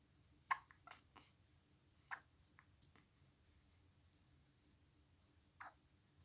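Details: One-week-old newborn baby hiccups: soft, brief, irregular catching sounds a few seconds apart in a quiet room.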